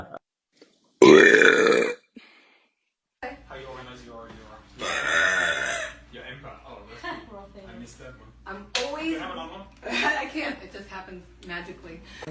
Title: Frank Zappa used my burps on the 1988 tour